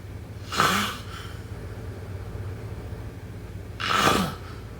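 Two harsh, noisy snorting breaths about three seconds apart over a steady low room hum, consistent with snoring during sleep.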